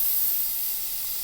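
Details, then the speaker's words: Aquacare (Velapex) air abrasion unit starting to abrade hard tooth enamel to expose decay, with no anesthetic, rubber dam and a celluloid strip protecting the adjacent tooth: a steady high-pitched spraying hiss of dental air abrasion. "We're going to begin now abrading with the Aquacare by Velapex. Notice that the enamel, which is relatively hard, does in fact abrade rather quickly"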